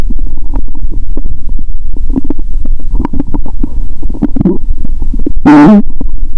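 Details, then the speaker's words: Adult stethoscope on own belly after fasting over 15 hours, now eating Mentos: loud, frequent gurgling and bubbling bowel sounds ending in a long high squeal; active bowel sounds. ""Let's hear the sound of the stomach ♪". The growl of my stomach is amazing."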